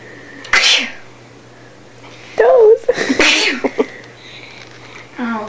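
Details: A sneezing attack: two sharp, explosive sneezes with vocal bursts and brief talk between them; ordinary sneezing.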